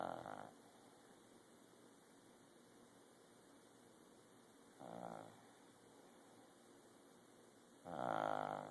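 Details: Dog asleep, snoring: soft, rough snoring breaths, one every few seconds, over steady room hum.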